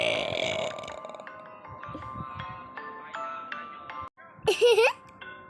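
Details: A single loud, drawn-out burp near the end, over quiet background music; belching.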